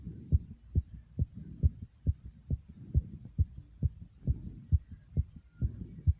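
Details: Rapid heartbeat right after 55 jumping jacks: fast, regular low thumps at about 136 beats a minute, a normal response to exertion.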